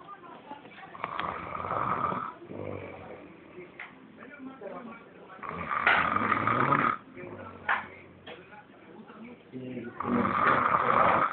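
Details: Three rough, rattling snores with quieter breaths between them, roughly 15 breaths a minute; snoring.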